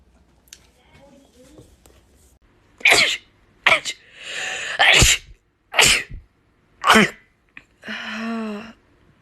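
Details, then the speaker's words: About five sharp, explosive sneezes in quick succession, each with a brief in-breath before it; rapid sneezing bout. "I had to pull over four nice sneezes no waight 14 sneezes bless [Music] me"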